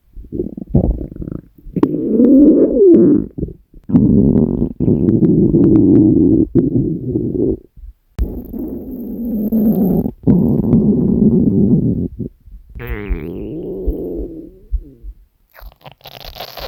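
Long gurgling, rumbling growls with rising and falling pitch, separated by short pauses. These are ordinary hunger stomach sounds.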